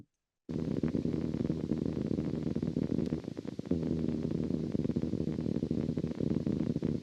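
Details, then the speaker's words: Needle EMG loudspeaker output, likely from the genioglossus, in a patient with unilateral tongue weakness who lost his voice: spontaneous, somewhat irregular, grouped firing discharges, resembling but not classic for myokymia. "so um they look like they're prejunctional oriented potentials because they're somewhat irregular but they're kind of grouped firing um not the most classic myyy I've ever seen"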